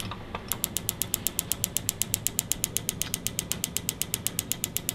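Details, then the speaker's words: Extracorporeal shockwave therapy on an adult woman's elbow for lateral epicondylitis (tennis elbow), covering the lateral elbow and back of forearm, dosed to tolerance: rapid regular clicking pulses about four per second. "normally for an extra spinal area like an elbow or shoulder I do about 3,000 pulses depending on the patient how large or small they are"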